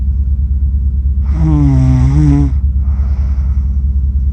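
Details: Person accidentally recorded while asleep, with a self-described funny snore: one drawn-out, buzzing, tonal snore over a steady low hum. Finding: snoring.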